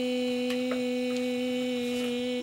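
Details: Sustained phonation at several pitches after laser removal of a large hemorrhagic vocal cord polyp; vocal cords are very supple at low pitches and fairly supple at mid and higher pitches.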